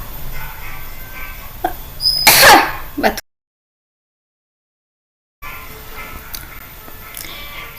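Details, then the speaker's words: One forceful, explosive cough after guided deep breaths, in an acted telenursing demonstration of effective coughing to bring up phlegm for a patient after cataract surgery. "tarik napas lalu batukan jika ada dahak silakan dikeluarkan ya Mbak"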